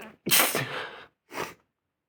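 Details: Person in bed: one sharp, explosive sneeze followed by a short second burst; sneezing.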